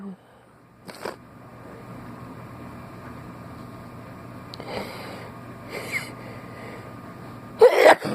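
Quiet room hum broken by a few short bursts, then one loud explosive burst near the end: a sneeze.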